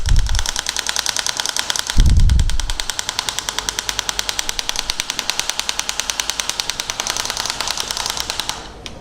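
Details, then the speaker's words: Shock wave therapy device finishing its set number of shots on the Achilles tendon before moving vertically: rapid, steady clicking pulses at about 200 a minute with a couple of heavier thuds. "Finish the number of shots. And then I'm going to move vertically."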